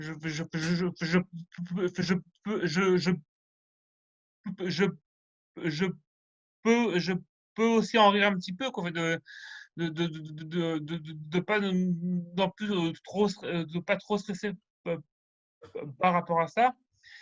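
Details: Male French speaker who stutters, rehearsing a semi-final speech in an eloquence contest for people who stutter; stuttering appears from time to time, with repetitions; stuttering.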